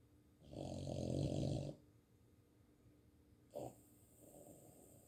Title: Max the Boston terrier snoring